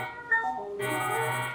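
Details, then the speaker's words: Phacoemulsification machine tones on a bioniko artificial model eye: steady electronic tones shifting and thickening as the pedal moves through positions two and three, emulsifying and chopping a lens fragment. "I go to the lens two three two three and emulsify the purple okay okay position two safety zone"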